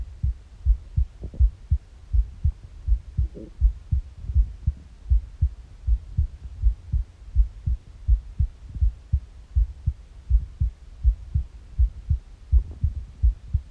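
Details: A morning recording on an empty stomach: a steady, regular low heartbeat at about 80 a minute, with a few faint gurgles from the empty stomach; normal heart sounds.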